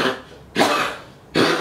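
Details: Two harsh, forceful hacking coughs from a 10-year-old female Pomeranian coughing for two weeks; vet X-ray reportedly showed lung and throat inflammation and cardiomegaly, with irregular heartbeats; persistent cough.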